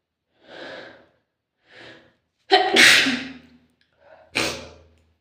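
Two soft inward breaths, then a loud sneeze, another brief intake and a second sneeze; two sneezes in all.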